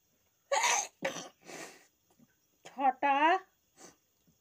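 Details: Three sharp, noisy bursts of air, then brief voiced sounds: a run of sneezes deliberately triggered with paper in a sneezing challenge.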